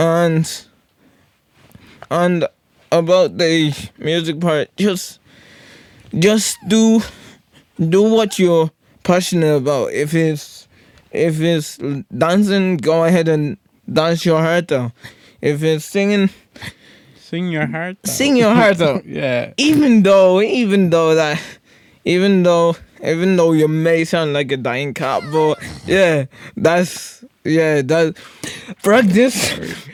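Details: Podcast host with cerebral palsy, severe stuttering in childhood treated with speech therapy and still frequent; conversational speech; stuttering (word and phrase repetitions).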